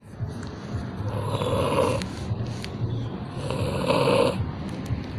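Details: Water buffalo snoring: two long, honking, nasal snore-like breaths about two seconds apart over outdoor background noise.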